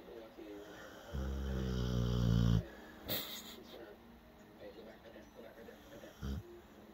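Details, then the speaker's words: A dog lying on its owner gives one long, loud, rumbling snore on an in-breath, followed by quieter breathing and a few soft thumps. "This snoring is just too cute. And I'm kind of trapped here. Just laying on me."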